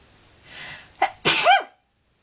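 A brief indrawn breath, a short catch, then one explosive sneeze trailing into a voiced sound.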